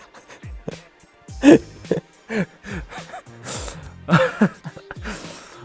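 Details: Sneeze from a male K-pop singer, described as cute.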